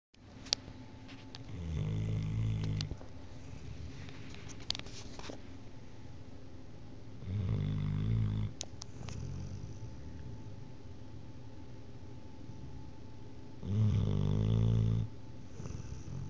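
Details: A sleeper snoring, recorded on a phone: low, rumbling snores recurring every few seconds, separated by quieter breathing, in a small room.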